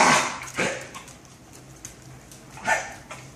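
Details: A dog named Bo gives three or four short, harsh, bark-like bursts against quiet room noise: cough.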